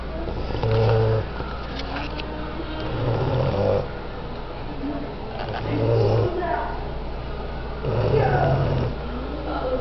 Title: My English Bulldog Snoring and Sleeping